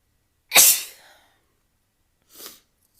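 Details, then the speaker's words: Sneeze from a rapid-sneeze compilation: one loud, explosive sneeze, then a short, softer burst of breath. "uh moving things around makes me sneeze"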